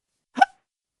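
A single short, sharp hiccup: a quick voiced gulp that cuts off abruptly.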